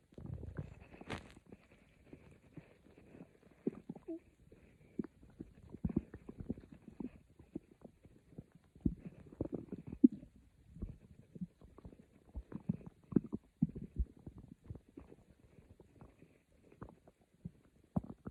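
Quiet, irregular gurgles and soft rumbles from the belly; normal stomach growling.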